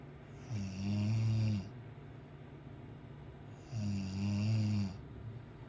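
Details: Two loud, low, rattling snores on inhalation about three seconds apart with quiet exhalation between; typical snoring.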